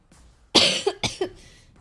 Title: twitch streamer coughing and a burp